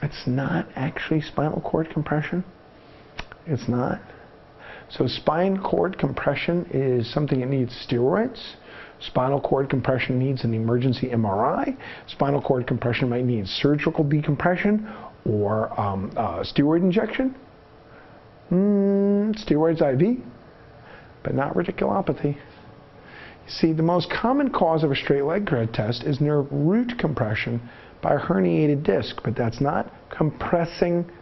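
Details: Adult male narrator; normal speech.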